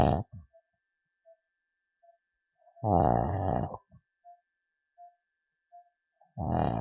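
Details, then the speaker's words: Patient (depth level about 68–72) during live snoring/obstructive sleep apnea surgery workshop; loud, rough, vibrating snores every three to four seconds with monitor beeps; struggling to breathe, pauses under 10 seconds. "you can see that the patient is actually snoring yeah I hope you are able to hear the snoring sound"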